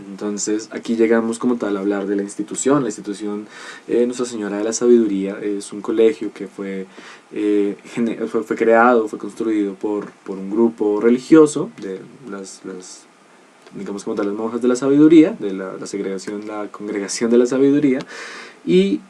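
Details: Adult male presenter; typical adult speech.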